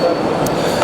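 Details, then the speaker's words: Simulated tinnitus tone: thin, steady high-pitched tone beneath busy room noise, representing the sound a tinnitus patient hears constantly. "Une personne qui arrive et qui a des acouphènes, c'est pas facile, c'est même très difficile pour lui d'accepter ce son que vous entendez en ce moment. parce que ça, il l'a dans la tête tout le temps."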